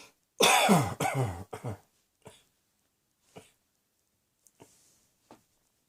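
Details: Harsh burst of three or four loud coughs, then faint throat clears and small coughs trailing off.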